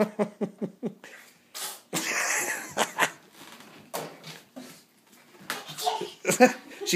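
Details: Baby deliberately fake-sneezing: several short, sharp, sneeze-like bursts mixed with laughter and talk; imitated sneezes, not real.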